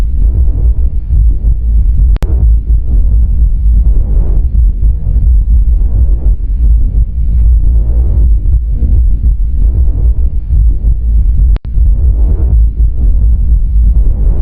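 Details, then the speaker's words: Normal vesicular breath sounds over the chest: soft, low rustling, with inspiration louder and longer than expiration, which is practically absent in this recording. "o som vesicular ou murmuro vesicular é um som suave bem menos intenso do que o som traqueal só que aqui a inspiração é mais intensa e mais prolongada do que a expiração"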